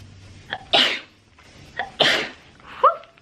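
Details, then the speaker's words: Two sneezes, each with a quick indrawn breath then an explosive burst, followed by a short spoken remark; ordinary sneezing. "So, I have to sneeze. It's so annoying in the middle of my video. Sorry."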